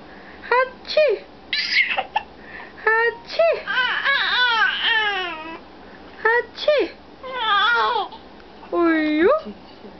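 Repeated short crying bursts with rising and falling pitch from an infant; an ordinary infant cry.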